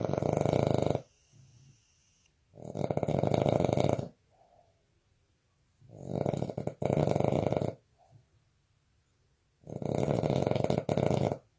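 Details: Boston terrier snoring in deep sleep: loud, rasping snores in a steady rhythm of about 15 breaths a minute, with brief quieter sounds between.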